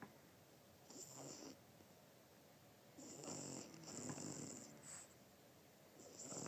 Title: snoring conte